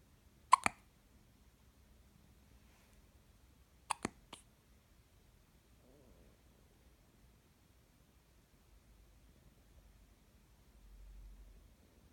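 Soft, abrupt hiccup-like clicks from an infant, a pair then a triple a few seconds apart, in a quiet room.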